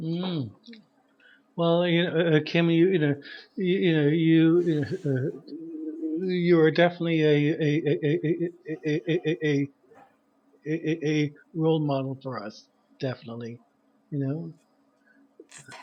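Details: Stuttering in an adult man who describes himself as a person who stutters.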